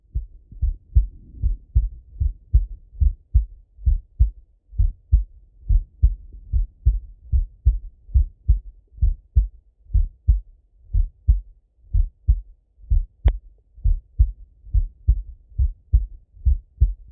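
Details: Full heart auscultation of a male, recorded either sitting at a desk or lying in bed: regular paired lub-dub at about 88 a minute, clear with no extra sounds; normal heart sounds.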